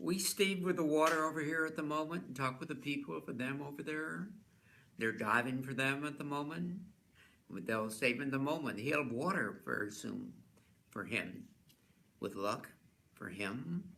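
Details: Real adult man with fluent (receptive) aphasia, with difficulty understanding others; fluent aphasia.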